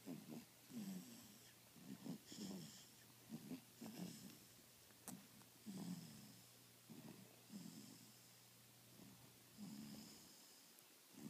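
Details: Repeated rattling snores with some snorting, about one every 1–2 seconds in irregular bursts, over faint room hiss; snoring in sleep, recorded quietly.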